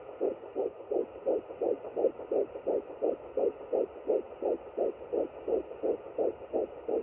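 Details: Rapid, regular whooshing pulses at about 170 a minute with a steady low hiss: a strong fetal heartbeat found on a home Doppler at 9 weeks 4 days of a second pregnancy.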